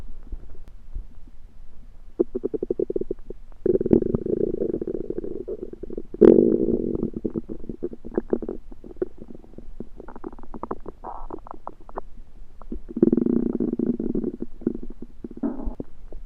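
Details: Belly sounds that began suddenly after eating a home-cooked meal the person thinks was undercooked: continuous, loud, frequent gurgling and rumbling with bubbly, popping runs. Active bowel sounds (borborygmi).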